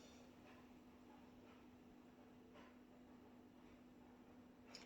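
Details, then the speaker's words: Stethoscope on the belly of a cat with a past knee issue, no vomiting or diarrhea, during a Chinese medicine exam: faint soft gurgles and clicks over a steady low hum, normal bowel sounds. "I can hear some normal gut sounds of honey and number two"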